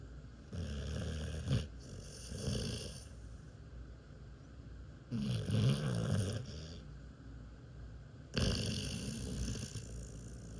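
Deep, fluttering snores from a sleeping dog, about three in ten seconds, with quieter breathing between them.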